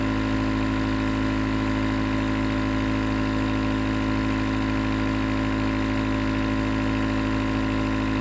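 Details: Nebulizer compressor running as white noise for sleep: steady loud mechanical hum with rapid buzzing pulse and hiss throughout; nebulizer running continuously.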